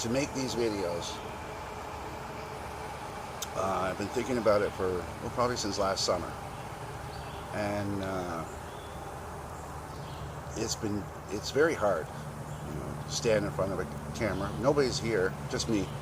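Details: 52-year-old man with self-described very bad stutter since childhood; his son also stammers; stuttering.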